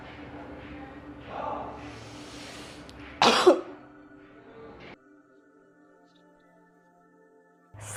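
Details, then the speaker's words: Effective (huff) cough exercise for elderly people, taught to prevent and care for pneumonia by clearing phlegm: half-sitting position, three deep breaths, then open-mouth exhalations saying "ha" and coughs. "Mari kita coba rangkaian latihan batuk efektif"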